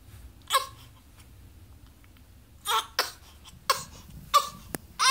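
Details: 6-day-old infant with a hiccup attack: repeated abrupt short catches at irregular intervals, about five in five seconds, over quiet background noise.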